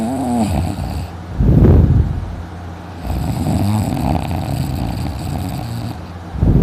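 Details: Adult sleeping in, snoring loudly enough to leave his throat sore afterward: loud, low, rumbling snores in an uneven rhythm with breathing, some bursts harsher than others; heavy snoring.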